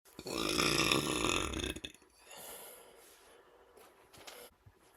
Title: Had a couple beers and couldn’t stop burping #burps #maleburp